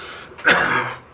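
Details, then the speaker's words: Person still recovering from COVID, tested negative the night before, with a lingering cough: a single short, fairly dry cough or throat-clearing sound; cough. "I got a bit of a cough, as you can hear. So that's been awful too."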